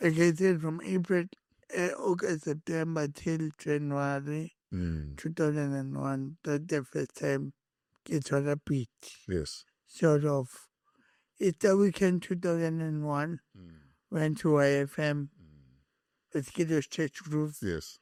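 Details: Adult man born with cerebral palsy, whose head injury from a car accident in June 2000 affected his speech, walking and left-ear hearing: dysarthric speech.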